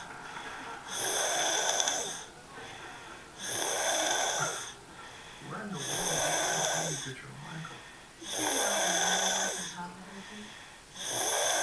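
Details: Aidan snoring: loud rattling snores on each in-breath, about 12 breaths a minute, with a steady whistling tone and faint talk in the background.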